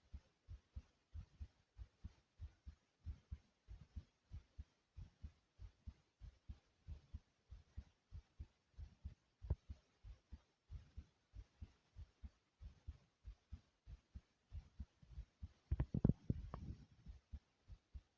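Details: Pounding heartbeat with heavy breathing after doing jumping jacks: fast, strong, regular paired heart thumps at about 120 a minute with a brief burst of breath noise, a rapid heartbeat after exercise.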